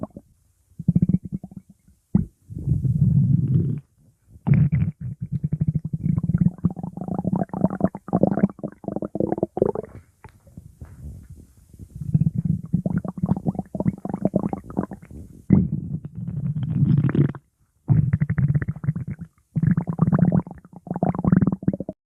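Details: Sleeping subject's abdomen: long, low gurgling and rumbling runs, ordinary stomach growling (borborygmi) during sleep.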